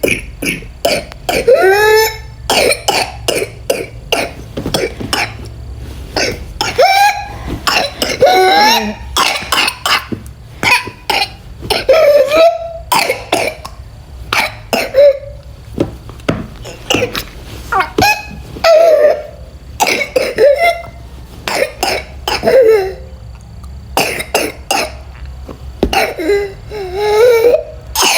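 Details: Child with a pertussis (whooping cough) paroxysm: rapid run of harsh coughs with high drawn-in crowing breaths between bursts; caregiver urges bringing up phlegm and vomiting.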